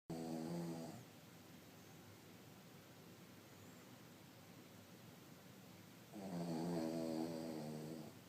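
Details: Two low, buzzing inspiratory snores about six seconds apart over steady room hiss from a sleeping 3-year-old Cavalier King Charles spaniel; snoring.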